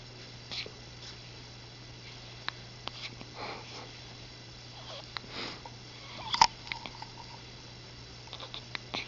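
Soft, brief catchy clicks and small breathy jerks repeat irregularly over a low room hum: a cat with hiccups.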